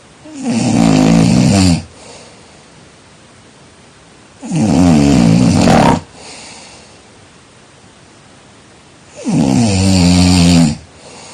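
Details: Three loud, rattling snores on the in-breath, about five seconds apart, with quiet breathing between, in a sleeping person; heavy snoring.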